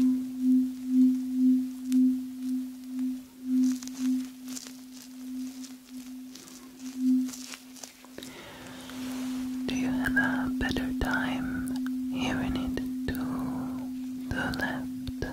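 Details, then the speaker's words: Simulated ASMR cranial nerve exam hearing test: a struck tuning fork gives a steady, pure low hum that swells and fades, then rings on under soft handling noises while the patient is asked about left and right. "i'm going to be needing my tuning fork for this test so i'm ringing it okay can you hear it to the left and to the right i'm gonna ring it again"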